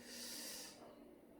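A single short, hissing nasal burst of air, a snort, fading out within about a second.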